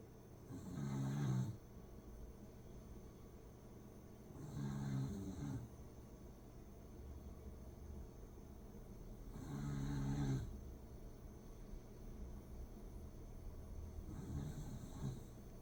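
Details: Sleeping corgi snoring in regular low rumbling bursts, about 13 breaths a minute.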